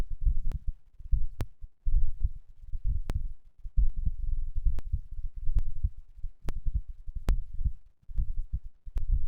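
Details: Heart sounds recorded after exercise, the third such recording: a fast, steady, low thumping heartbeat with sharp clicks over it.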